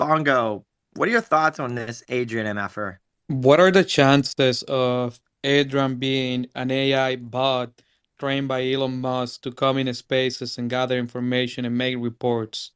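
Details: Adult male speaker; no disorder.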